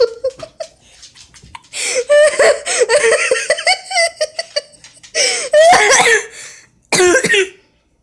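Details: Bursts of voiced, gasping coughs mixed with laughter while watching a cat video, rising into choking-like spasms with brief breath catches between: coughing and choking fits.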